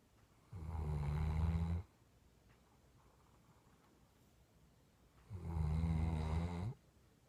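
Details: Two deep, rumbling snores, each over a second long and about five seconds apart, with quiet breathing between, from a sleepy female dog after a long day.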